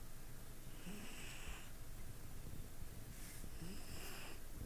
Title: My cat snores